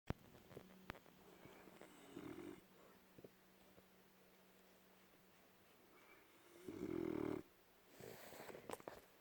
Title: Winston the French bulldog sleeping and snoring